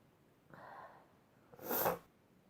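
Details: Sneezing compilation: a short intake of breath, then one loud explosive sneeze in a quiet room.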